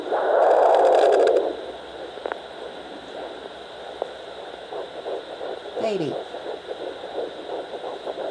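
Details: Handheld Doppler comparing the mother's pulse with the fetal heartbeat: a loud whooshing burst from the mother, then quicker rhythmic fetal pulsing, with hiss throughout.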